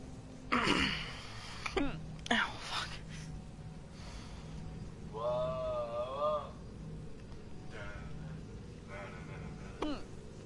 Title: Girl has painful hiccups